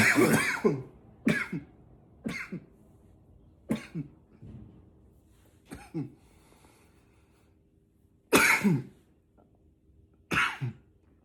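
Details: Intense coughing: about seven harsh, forceful coughs at irregular intervals over eleven seconds, some in quick pairs.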